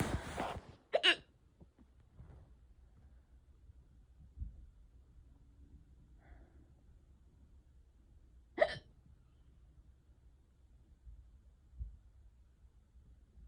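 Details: An ongoing, unusually bad bout of hiccups: sharp, abrupt hiccup sounds at irregular intervals in a quiet room; hiccups.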